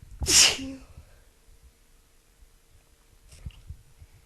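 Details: A woman sick with a cold again: one forceful sneeze followed by quiet breathing and faint movement: sneezing.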